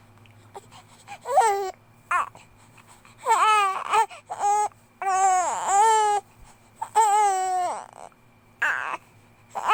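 Young infant crying in repeated wailing bursts with brief gaps and fussy whimpers between, against steady low room hum; a typical infant cry.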